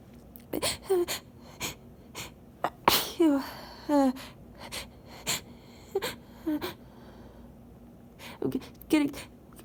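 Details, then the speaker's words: Late-night sneezing fit muffled into a handkerchief, sounding quiet, with the sneezer unable to take as much air as wanted: a rapid run of repeated sharp sneezes with short gasping intakes between them, in a quiet room. "I feel like they sound weird you because I can't take as much air as I want to you Oh they're ruffled into the hankie that's why they sound quiet cuz it's late"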